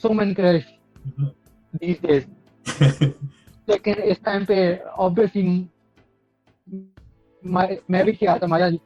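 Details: Adult man with cerebral palsy speaking Urdu; dysarthric speech (cerebral palsy).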